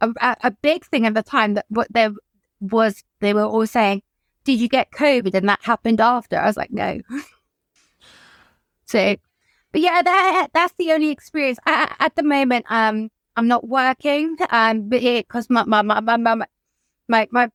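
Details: Adult woman whose childhood stammer recurred, brought on by lockdown and the trauma of her mother's death by suicide; she describes blocking; stuttering.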